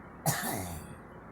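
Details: A single sharp cough from a girl, trailing off into a rough throaty breath: cough.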